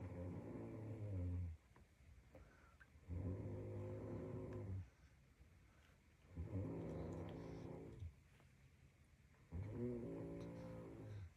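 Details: A person snores in the background while a baby plays with Pooh: steady, buzzing, low snores about every three seconds, roughly 18 breaths a minute, with quiet gaps between.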